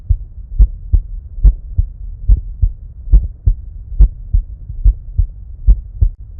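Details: Heart sounds recorded with an EKO DUO digital stethoscope alongside simultaneous ECG, with no voice or narration.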